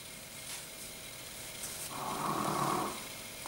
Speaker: si vous entendez des petits bruits de ronflements c'est ma petite chienne qui dort